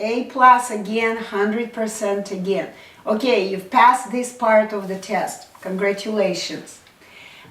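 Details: Adult woman; normal speech.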